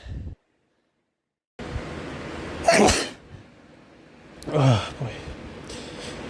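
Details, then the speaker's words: Repeated sneezing, two sneezes a couple of seconds apart over steady box-fan noise, in a person whose AC broke and fans pull in outdoor pollen; nose-blowing not helping. "i keep blowing my nose but nothing it doesn't help i just keep sneezing"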